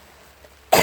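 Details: Cough from a person sick with a cold, snuffly, outdoors camping in the bush on a cold, wet, rainy day.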